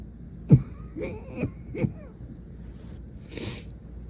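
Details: Nighttime coughing attack in a girl lasting most of the night, face pressed into a pillow: three or four short, muffled cough bursts in quick succession, then a soft breathy exhale; a repeated coughing fit.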